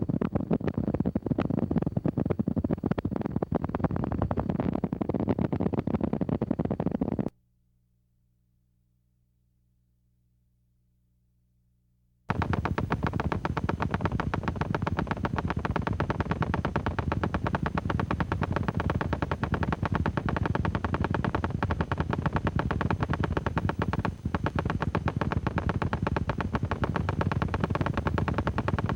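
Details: Needle EMG of polyphasic and nascent polyphasic MUPs: rapid crackling, buzzing discharges with a brief low-hum pause. The nascent potentials are small in amplitude but of normal or long duration.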